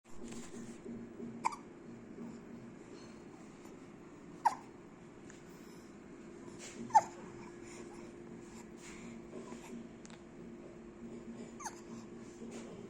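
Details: Hiccups in a dog: soft, abrupt hiccup-like clicks every few seconds, about four in thirteen seconds, over steady room hum.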